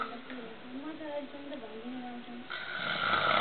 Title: dad snoring